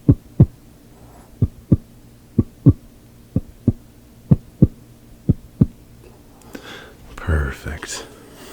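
Steady paired heart sounds, lub-dub, about 95 beats a minute through a stethoscope, then rustling; normal heart sounds in a role-played exam.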